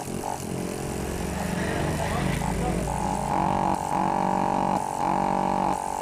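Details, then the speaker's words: Steady droning motor hum with rhythmic pumping buzz from a Life Care nebulizer compressor running normally after its dirty piston was cleaned, now producing plenty of air pressure. "এখন কিন্তু যথেষ্ট বাতাস আছে বাতাসে অনেক"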